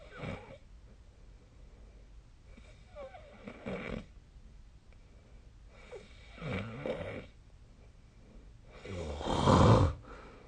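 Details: Snoring during sleep, recorded with the SnoreLab app: four rough, rattling breathing noises a few seconds apart, the last the loudest, over quiet room noise.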